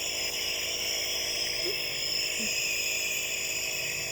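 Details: Nebulizer running continuously during asthma treatment of a twin boy: steady high-pitched hiss and motor hum.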